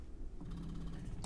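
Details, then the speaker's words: Spectra S2/S1 electric breast pump running in expression mode at cycle 38 or 42 after milk letdown: a low, steady mechanical hum with faint rhythmic ticking. "we're gonna press the button with the three little line and we're gonna go back to either 38 you could do 38 or 42."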